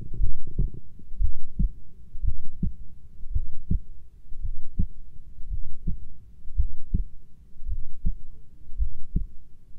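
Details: Steady low thumping heartbeat at about 55 beats a minute, with a faint background hum.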